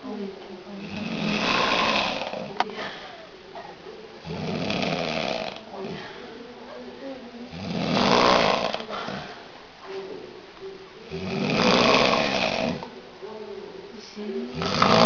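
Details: Hungover man asleep after a São João festival, snoring "like a tractor": loud, harsh, rattling snores about 18 a minute with quieter breathing between; heavy snoring, with music playing.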